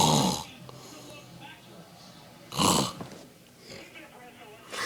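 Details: Two loud, rough snoring bursts about 2.5 seconds apart from a man, with quiet breathing and faint room noise between; snoring.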